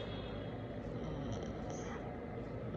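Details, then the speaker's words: Steady low motor drone of an Accusure automatic blood pressure monitor inflating an arm cuff on the left arm; reading afterwards 135/80, normal range, pulse 77. "so automatically once you just start it will begin to inflate your bp cough"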